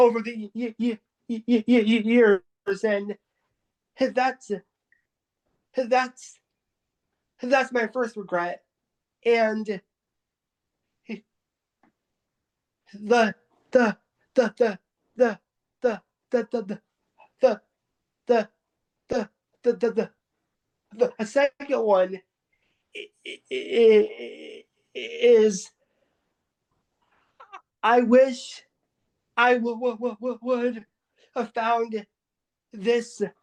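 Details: Adult man who stutters, with severe blocks, repetitions and many pauses between words; stuttering.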